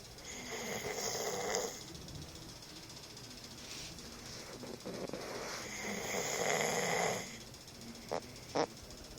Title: Lazy dad snoring